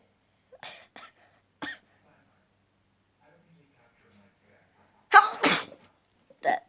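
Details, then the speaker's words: Person trying to sneeze with eyes open: a few faint breathy sounds, then a loud two-part explosive sneeze and a brief catch afterward. "So today I'm gonna be doing my nose challenge, trying to see if I could sneeze with my eyes open."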